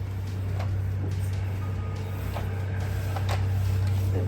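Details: Steady low motor hum with faint rhythmic clicking from a Medela electric breast pump, just taken out of storage and plugged in to test by a woman 29 weeks pregnant; the motor running normally.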